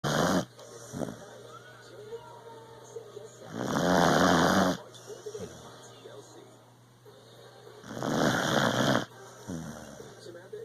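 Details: Beagle snoring.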